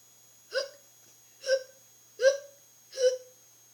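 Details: Acted hiccups in a homemade show: four short, voiced 'hic' sounds at even intervals, about 78 a minute; simulated hiccups.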